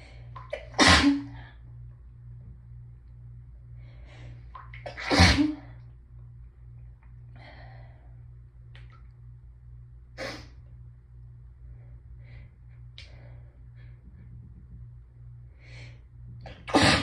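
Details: Hay fever sneezes from a person with a raw nose from rubbing: three forceful sneezes with hitching breaths and sniffles between over steady hum, some with a deep honk from sneezing through nose and mouth together; sneezing.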